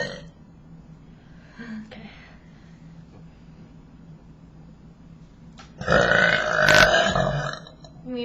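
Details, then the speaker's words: Voluntary belch in a burping contest, loudness round: a loud, long, rumbling belch after a quiet stretch with faint room noise; burping. "We're We're going to have a burping contest. Okay. We'll do three rounds. This will be um for loudness."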